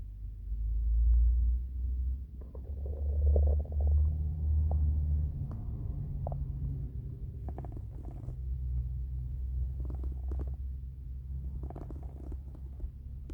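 Low, gurgling rumbles that rise and fade over several seconds: ordinary stomach rumbling from hunger, a normal bowel sound.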